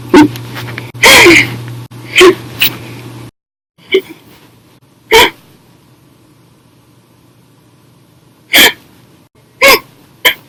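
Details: Hiccups: abrupt, loud hiccups at irregular intervals, eight or nine in ten seconds, with quiet room noise between.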